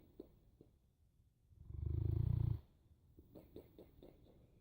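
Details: Snoring in a sleeping Boerboel dog: one low, rumbling, fluttering snore lasting about a second, with quiet breathing noises before and after.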